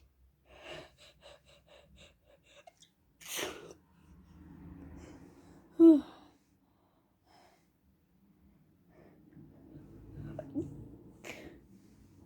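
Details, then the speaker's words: Sneezing after deliberately sniffing perfume the person is allergic to: sniffing, a gasping build-up and loud sneeze, then a smaller second sneeze in a quiet room. "hey guys so i got a request to um smee to smell stuff that smells like sorry small stuff that i'm allergic to and to do a denial of it so i have some perfume again i'm gonna sniff it right"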